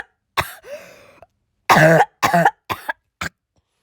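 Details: An adult who was sick gives a run of about five harsh, partly voiced coughs, with a drawn-out noisy breath after the first; acute cough.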